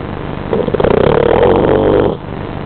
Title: my dog wilson snoring